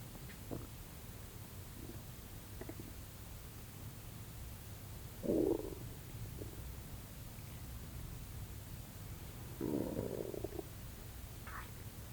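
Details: Two soft gurgling rumbles over faint background hiss, recorded focused on the stomach around an afternoon nap; active bowel sounds (borborygmi).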